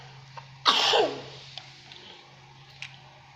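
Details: A young child coughs while playing at cooking; one short, harsh, ordinary cough in a quiet room with a steady low hum.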